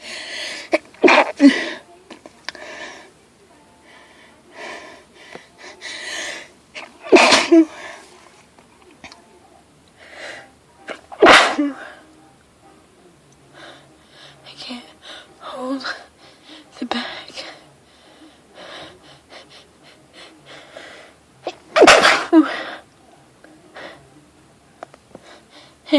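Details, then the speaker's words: Adult's forceful repeated sneezing, about four sneezes in under half a minute with sniffing and breathing between, after about 10 minutes in a hardware store with a strong nasal tickle; they suspect plants, tools or wood irritated the nose. "I can't stop. I'm gonna sneeze. I still have to sneeze."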